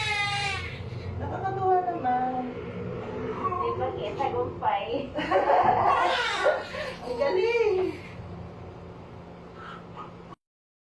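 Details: Newborn baby boy crying just after natural vaginal delivery, around 6:58: high, wavering newborn cries under adult voices and room noise.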